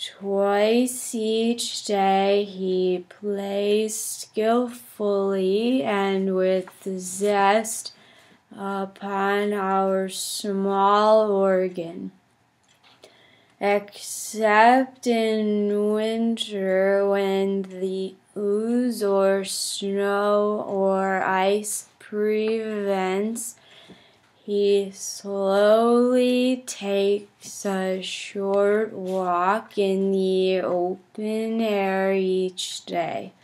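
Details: Demonstration of a stuttering-therapy fluency technique while reading the Grandfather passage: easy relaxed approach with smooth movements (ERA-SM) fluency technique.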